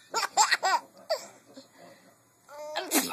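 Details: Adult's short sneeze-like bursts, with a baby boy laughing at the sneezes in bright, bubbling laughter, ending in a loud burst.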